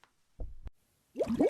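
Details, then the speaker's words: Simulated stomach gurgling after drinking too much water: brief watery plops and a bubbling gurgle imitating the belly sloshing. "ich habe zu viel Wasser getrunken es blubert in meinem Bauch hörst du es"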